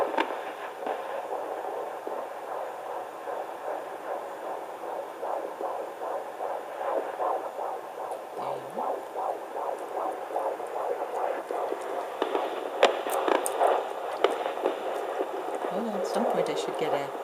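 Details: Fetal Doppler at 14 weeks 4 days: fast, soft whooshing fetal heartbeat pulses about 140 a minute, faint at first and clearer toward the end.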